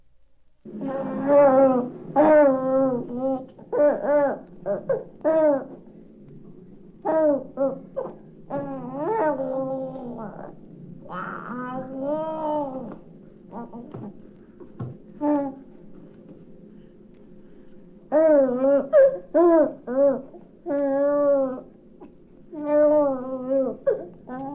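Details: Repeated voiced coos and squeals with rising and falling pitch from a young infant, from a 1967 recording of baby sounds: normal, happy infant vocal play.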